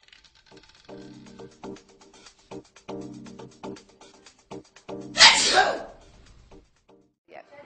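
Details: Female live-casino roulette dealer talking, then one loud, hissing sneeze during a live stream, with quiet room sound afterward: a single sneeze.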